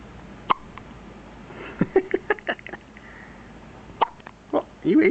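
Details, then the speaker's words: 1-day-old newborn girl hiccuping a lot: several short, sharp, abrupt little gulping sounds at irregular intervals with faint room noise; infant hiccups. "you ate too much. She didn't eat enough. But she's hiccuping a lot."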